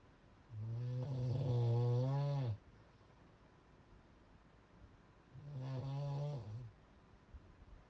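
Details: Very loud snoring in a sleeper: two long, deep, rattling snores on the in-breath with quiet pauses between.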